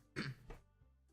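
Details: A single short, throaty adult cough, with faint game music behind it: cough.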